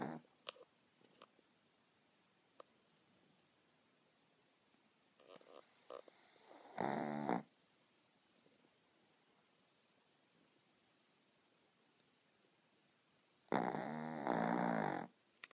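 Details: A 10 lb baby boy sleeping soundly: two loud, rattling snores about seven seconds apart with quiet breathing between; ordinary snoring.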